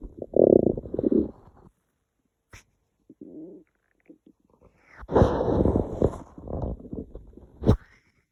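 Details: Low gurgling rumbles in bursts with quiet gaps between; hungry stomach growling, borborygmi.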